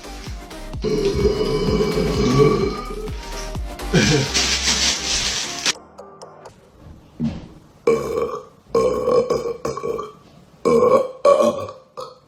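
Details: Man during an eating challenge: several loud, deep belches in a row, mixed with music and talk; repeated burping.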